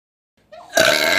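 A brief rising throaty sound opens into a loud, rough, sustained belch.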